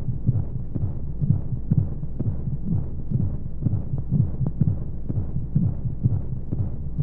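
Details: Baby sleep-aid womb sound: a muffled, rapid thumping heartbeat at about 125 beats a minute under a steady whooshing rush and white noise, like sound heard inside the womb.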